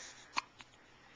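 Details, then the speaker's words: Curly-haired baby girl in pajamas, recorded on a Flip Video camcorder: one sharp, abrupt hiccup, then a fainter second one, in a quiet room; hiccups. "has the hiccups. You got the hiccups?"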